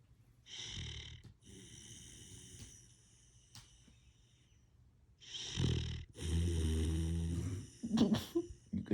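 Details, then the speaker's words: Husky puppy asleep lying like a human on a bed, with repeated rough, snorting snores that have whistling, wheezy edges on breathing in; snoring. "Guys, I never knew dogs can snore. Please comment and let me know if you guys knew dogs can snore. He is laying down like a human being on my purple bed and is snoring."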